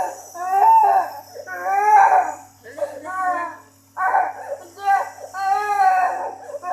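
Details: Infant boy with cough, cold and hard-to-clear phlegm, crying during doctor-advised nebulizer steam therapy: repeated wailing cries in bursts with short pauses, likely from discomfort; he later vomits up phlegm and calms.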